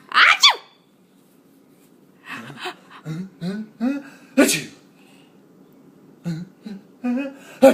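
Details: Allergy sneezing amid family laughter: sharp explosive sneezes, one at the start and another midway, among laughing and breathy voices.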